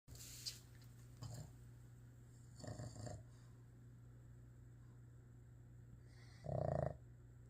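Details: A sleeping Boston terrier rescue dog gives three rough, snorting breaths over several seconds, the last loudest, against a steady low hum; snoring.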